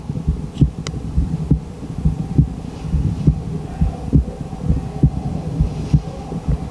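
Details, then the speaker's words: Heart valves auscultated with the MD One stethoscope diaphragm during a comparison with the Littmann Classic III: steady low thumps at about 67 beats per minute, described as clear, quite loud and normal heart sounds. "It's nice. It's clear. It's quite loud. I quite like that."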